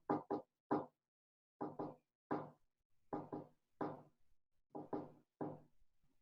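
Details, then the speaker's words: Teaching recording: split first heart sound, two components to S1 and a single S2, explained as a fourth heart sound from atrial contraction against a stiff ventricle merging with S1. "Estos serían un primer ruido desdoblado. ¿Sí escuchan cómo el primer ruido tiene dos componentes y el segundo solo uno?"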